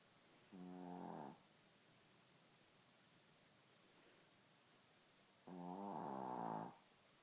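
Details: Shih Tzu dog snoring in sleep; two drawn-out buzzing, rattling snores separated by a quiet pause.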